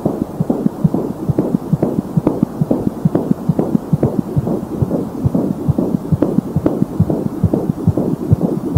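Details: Fetal heartbeat at 16 weeks of pregnancy: rapid, regular whooshing thumps, around 136 beats a minute.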